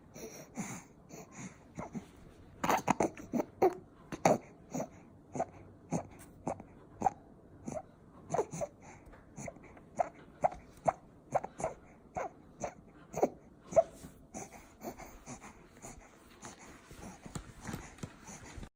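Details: An infant aged 2–8 months with laryngomalacia breathes rapidly and noisily, working hard as if unable to breathe. A repeated high, squeaky inspiratory stridor is heard on each in-breath.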